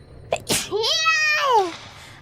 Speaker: A little bit of an angry sneeze just now, huh? I wonder why.